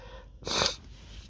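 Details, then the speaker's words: A single short, hissing sneeze burst in a quiet room, in an adult with allergies flaring from dust at work; allergic sneezing. "uh my allergies are really kicking up today it's at work and it's so dusty so I thought I'd because you record some of my see you Sneezy yeah for you guys"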